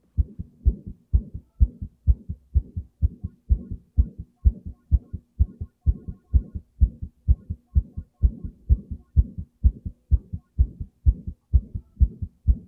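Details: Self-recorded heartbeat while playing the fast-paced racing game Hot Wheels Unleashed 2: regular, thumpy beats at about 128 per minute with a faint whoosh between beats, a soft murmur.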